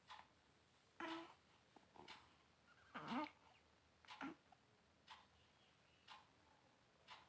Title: very beautiful this new born baby girl 💞 with first cry look after birth